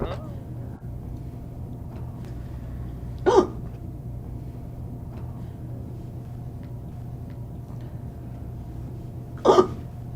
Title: Oh No, The Hiccups are back